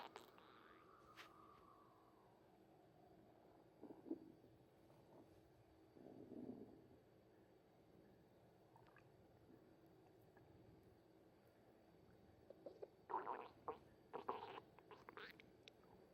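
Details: Bowel sounds (stomach rumbling): quiet gurgles and low rumbling bursts.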